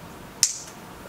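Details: Single sharp click in a quiet lab room: transcranial magnetic stimulation coil pulse delivered over the motor cortex during a demonstration.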